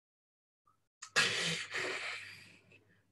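Imitated snoring breaths, a brief silent pause, then loud, harsh, voiced gasping breaths resuming: a witnessed apnea pattern.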